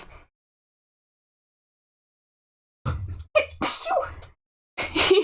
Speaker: I'm going to sneeze.